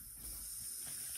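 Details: Soft steady hiss of oxygen flowing at a low setting during home oxygen equipment setup with tank, regulator and nasal cannula, with low room rumble; oxygen flow hiss.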